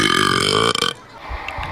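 A loud, long, rumbling burp that breaks up at the end, then faint room noise; a deliberate burp made for a contest.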